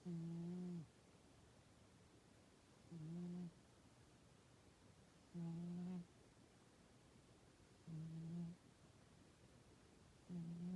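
Soft, low, buzzing purr-like snores during sleep, about 24 a minute, with quiet pauses between; ordinary cat snoring.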